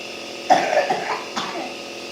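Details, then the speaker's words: Child sick with cold, cough and heavy chest phlegm congestion, having nebulizer treatment: two short, somewhat wet coughs over the steady hiss of the nebulizer. "दोनों ही बच्चों की तबीयत बहुत खराब चल रही है और खांसी जुखाम बलगम कंट्रक्शन बहुत हो रखा है"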